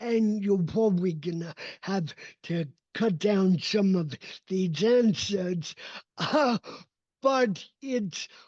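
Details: Adult male with cerebral palsy, a neurodevelopmental disability; his speech did not develop until age seven, after extensive speech therapy, and still needs ongoing training; real speech; dysarthria (cerebral palsy).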